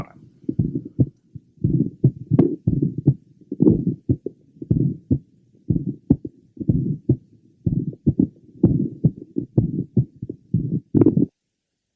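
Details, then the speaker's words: Woman about 50 with mitral valve prolapse: multiple rapid systolic clicks in the first half of systole, like flipping cards or creaking leather, possibly best at mid left sternal border or pulmonic area; twice misdiagnosed as pericardial friction rub. "this woman was about 50 years of age and on two separate occasions and in two different hospitals had been previously diagnosed as having a pericardial friction rub of acute pericarditis the multiple rapid systolic Clicks in the first half of syy obviously caused this confusion"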